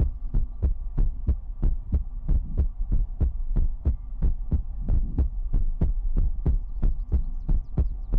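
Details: Heartbeat sound in an ASMR livestream: steady, deep, thumping beats at about 92 a minute over a low hum; a regular heartbeat.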